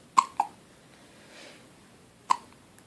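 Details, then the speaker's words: Three short, sharp hiccups from a baby, with a soft breath between them in a quiet room. "you got the hiccups at your hair so messy got the hiccups"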